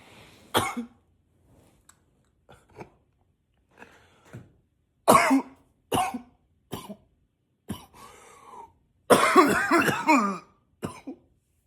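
Repeated short coughs and throat clearing in quick succession, ending in a longer harsh coughing run; persistent, nonstop coughing.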